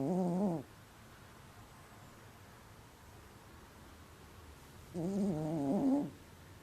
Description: Sandy snoring - I could hear him from the other room I was sitting in!